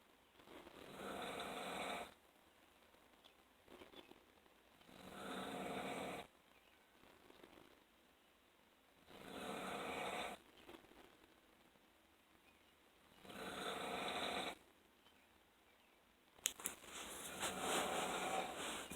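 Regular, rough snores on breathing in, about 15 a minute, in a quiet room. Brief noise near the end.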